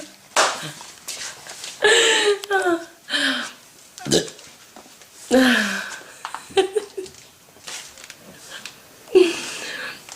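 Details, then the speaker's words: Hiccups in a girl: repeated abrupt gulping voiced catches, several loud and squeaky, close together amid breathy noises; persistent hiccups she calls dramatic. "you still have the hiccups they're so dramatic i have dramatic hiccups"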